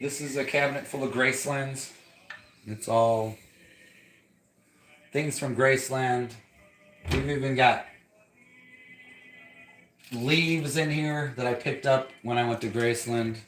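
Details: Adult speaker; normal voice.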